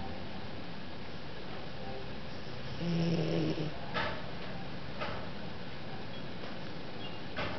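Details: Snoring in a Chinese Shar Pei dog: low, rumbling snore over steady background hiss, with one stronger snorting breath and a few faint clicks.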